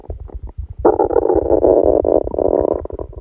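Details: Stomachache after Christmas dinner, recorded while the person slept: low, drawn-out gurgling rumble with rapid bubbling pulses lasting a few seconds; loud bowel sounds, stomach rumbling.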